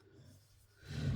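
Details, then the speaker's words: A sleeping dog snoring in the background: a quiet pause, then a low rumbling snore rising at the end. "right oh can you hear my dog's snoring in the background it's so funny"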